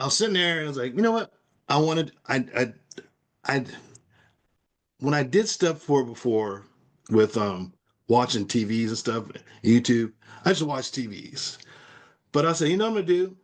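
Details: Person with aphasia caused by a stroke; aphasia.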